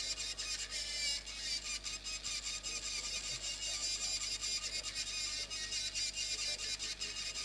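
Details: Temporal bone dissection demonstration during posterior tympanotomy and canal wall down mastoidectomy, with the drill held like a pen, fast removal of bone where there is no important structure. Steady high-pitched whine with a grinding hiss as a surgical drill cuts bone.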